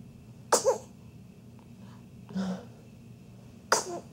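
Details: Infant girl during tummy time on her stomach: three small, quick sneezes, the middle one softer, in a quiet room; normal infant sneezing.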